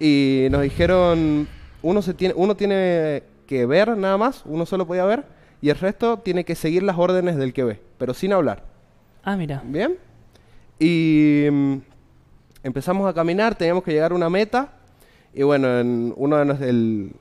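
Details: Young man from San Juan, Argentina, speaking Spanish in a broadcast interview about an app he co-created for people who stutter; stuttering.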